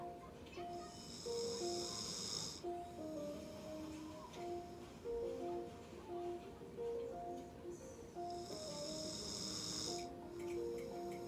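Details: A pit bull dog sleeping at home at year's end gives two loud, rasping snores about eight seconds apart over quiet background music; ordinary snoring.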